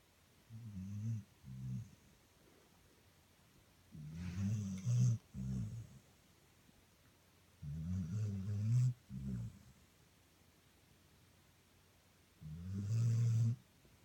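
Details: Low, rough snorting snores in irregular clusters, about four bursts over fourteen seconds with quiet pauses between: snoring during sleep.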